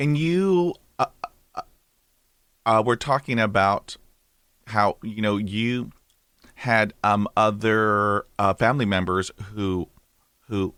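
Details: Adult male with lifelong stuttering; a recovering stammerer using breathing techniques from a stammering recovery course and a speech synthesizer for lectures; stuttering.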